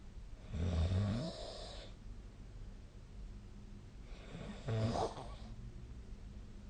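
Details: Snoring recorded overnight with the SnoreLab app on 2025/05/13: two low rumbling snores on breaths in, separated by quiet pauses; ordinary snoring during sleep.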